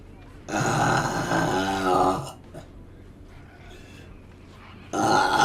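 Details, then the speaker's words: In a burping compilation from a gaming stream, a streamer gives two loud, long, gurgling belches separated by a short pause and remarks that one was wet. "hey that one was wet ah they taste like tim tams"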